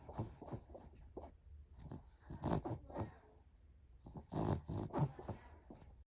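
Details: Soft snuffling, snorty snores from a sleeping dog, about 30 per minute, with a faint high tone in the background; snoring.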